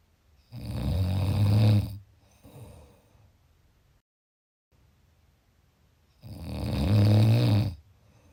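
Two deep, rattling snores about five seconds apart, roughly 11 breaths a minute, with quiet out-breaths between.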